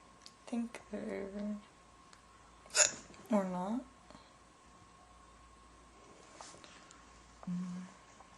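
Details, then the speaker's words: Girl with hiccups in a quiet room: short, abrupt voiced hiccups at irregular intervals, one followed by a drawn-out higher sound; she notes holding her breath does not help. "hiccups. Waiting for them to be over. Because I can't do anything else until they're over. It's annoying."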